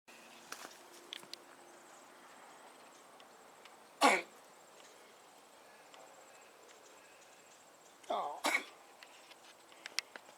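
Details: Cough from a pet the owner calls "my little boy", who has been on medicine; owner jokes he swallowed spiders and flies the wrong way; cough.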